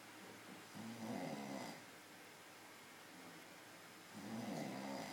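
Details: Very loud snoring during sleep: two rattling snores on the in-breath, about three seconds apart, with quiet breathing between them.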